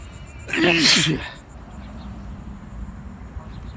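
One loud, explosive voiced sneeze, then quiet background hum; a single ordinary sneeze.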